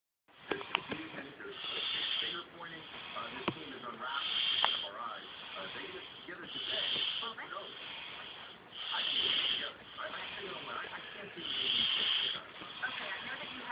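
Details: Snoring during sleep, recorded on an Android phone: rhythmic high-pitched hissing, whistling snores at about 24 a minute, each breath with a raspy, noisy edge.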